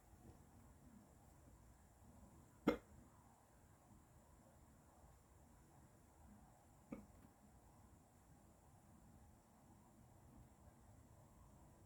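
Two sudden, sharp hiccups about four seconds apart against quiet background hiss.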